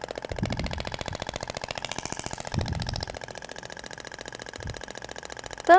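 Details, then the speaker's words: Thork radial shockwave device over a gelled abdomen in a training demo, now using a stainless steel tip (it sounds different from the other tip); fast, steady train of sharp mechanical clicks with low contact thuds. "agora vai para o outro sentido até o barulho é diferente da ponteira de palhacetal para inox"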